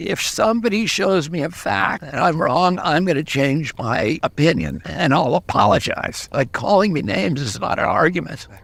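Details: 70-year-old man with spasmodic dysphonia, a neurological voice disorder (he calls it spasmodic dystonia) that began at age 42.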